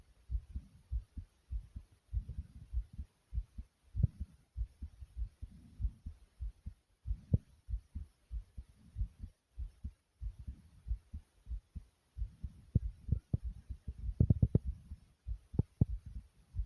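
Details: Rapid heartbeat after air boxing exercise: fast, regular low thumping, with a few brief rustling knocks near the end.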